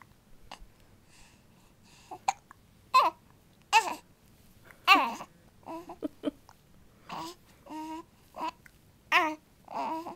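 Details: Infant hiccups: short abrupt hiccup sounds at roughly thirty per minute, mixed with babbling and small vocal noises.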